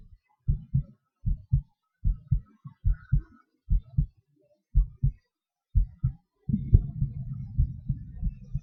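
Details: Self-recorded own heartbeat during breath-holds and panting: paired lub-dub beats about 110 a minute with uneven spacing, then a rumbling stretch as breathing picks up; normal heart sounds with rate change.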